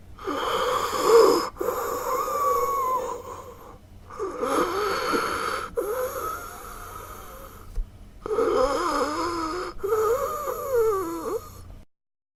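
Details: Wheezing sound effect: heavy, laboured breaths with musical whistling on both inhalation and exhalation.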